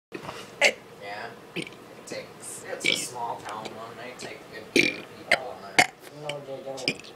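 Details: Male (brother) on his first attempt at burping the alphabet: a string of deliberate, drawn-out belches shaped into spoken letters; voluntary burping.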